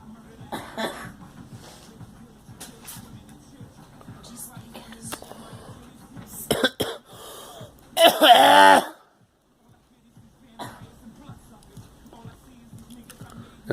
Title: Girl coughing and me